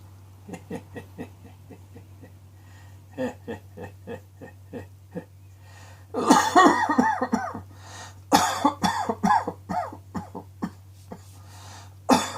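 Bursts of short, dry coughs, soft at first and then louder and harsher in quick clusters, over a low steady hum.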